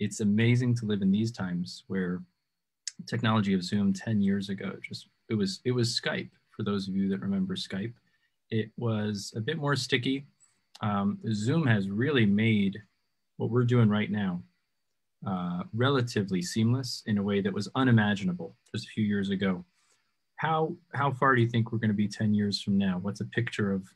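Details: Adult male speaker; normal conversational speech.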